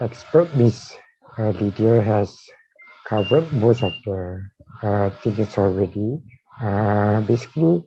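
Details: Dysarthria in a man with amyotrophic lateral sclerosis (ALS) diagnosed in 2018, tracheostomised in late September of the previous year.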